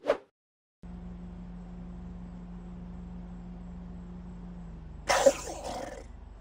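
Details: A crocodile gives short, explosive, breathy cough-like bursts, one early and a stronger one later, over a steady low mechanical hum.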